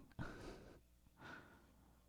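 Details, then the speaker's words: Cat named Cooper snoring while asleep: one loud snore heard briefly under soft-spoken ASMR narration. "He just snored really loud for a second, so if you hear that, I have put him to sleep."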